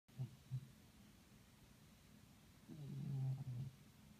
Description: Having a cat means never lacking for background noise.